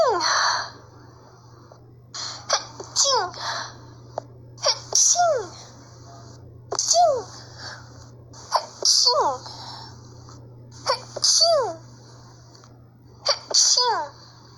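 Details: Several loud sneezes in a row, each a sharp inward gasp then an explosive burst with short pauses, from a Brazilian speaker remarking on not having sneezed in a long time; sneezing.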